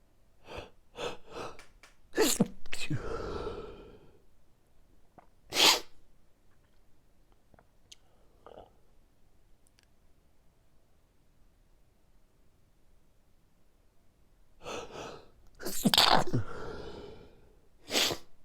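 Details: Late-night sneezing fit before sleep: bursts of sharp, explosive sneezes, some preceded by an inhalation, in two clusters separated by a long quiet stretch.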